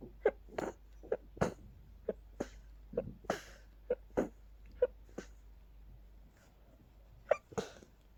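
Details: Sneezing fit from pollen after stifling, with watering eyes and increasingly stuffy nose: rapid run of about a dozen short, sharp sneezes in eight seconds.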